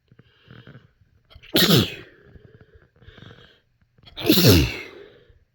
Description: induced sneezes some kinda restrained and some into tissues but mostly the normal ones